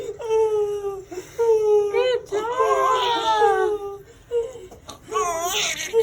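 Repeated strong, clear wailing cries with breaths between them, from a baby just after birth; a normal newborn cry.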